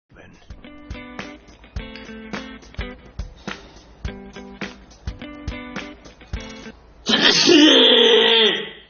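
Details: Over background music, one loud, explosive vocal burst near the end: a single forceful sneeze, labelled an epic sneeze.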